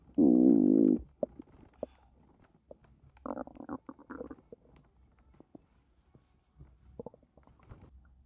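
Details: Woman 5 months pregnant, stomach growling while doing housework, feeling very uncomfortable (described as almost miscarriage): long low groaning rumble then scattered bubbling gurgles, borborygmi.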